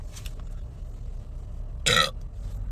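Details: Woman letting out a single loud voiced burp lasting about a quarter second, over low room rumble: ordinary belch.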